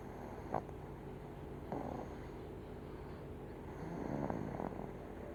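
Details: Infant snoring: soft, rattly snores with each breath, about three breaths, over steady room hum.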